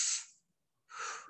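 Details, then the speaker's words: Imitated normal vesicular breath sounds in a respiratory examination lecture: two soft, hissing breaths, prolonged softer inspiration as an active process and short expiration as a passive one. Vesicular breath sounds. "especially inspiration there is a prolonged inspiration because because it's an active process and the expression is short"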